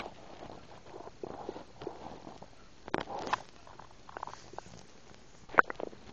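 Irregular soft gurgles, squelches and clicks of ordinary stomach noises as swallowed air and fizzy drink move down.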